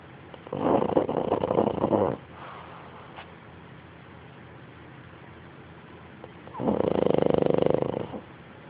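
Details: Snoring: two long, rattling, throaty snores several seconds apart, with quiet breathing between them during sleep.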